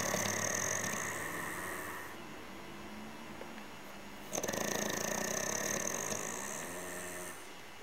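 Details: Long, rough, droning breaths with a fluttering tone, separated by a quieter pause; snoring during sleep.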